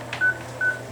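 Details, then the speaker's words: Anesthetized animal patient breathing through an anesthesia gas machine during surgery: anesthesia monitor beeping with each heartbeat alongside the electrocardiogram trace, with blood oxygen also monitored. "And this is its anesthesia monitor with the beep, beep, beeps. And you can see the electrocardiogram going across the top there, beeping."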